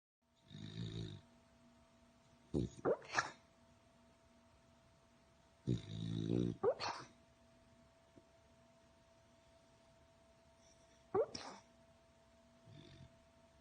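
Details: Snoring from a sleeping female beagle: soft snuffling snores and short nasal snorts, spaced irregularly, over a steady room hum.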